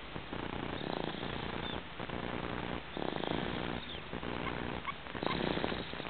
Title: snoring